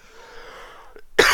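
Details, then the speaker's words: Speaker giving a recorded public-speaking workshop coughs once: quiet room sound, then one loud, sharp cough burst close to the microphone. "So, do's and don'ts for the presentation issues is sorry again for the cough, probably hear it well because of my mic."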